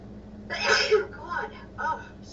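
A sudden loud burst of breath and voice, then a few softer vocal sounds: a single sneeze.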